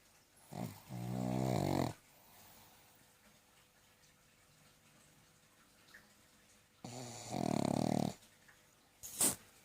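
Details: Snoring during sleep: two long, loud, rattling snores several seconds apart in a quiet room, with a brief snort at the end.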